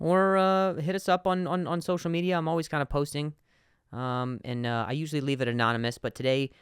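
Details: Adult man who stutters, a podcast host speaking; word repetitions heard; stuttering.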